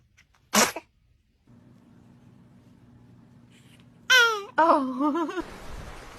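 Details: Infant sneezing: a single short, sharp sneeze burst, followed after a pause by vocal sounds.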